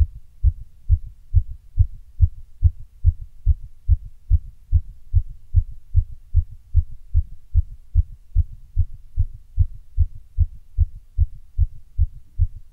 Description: Caffeine and pushes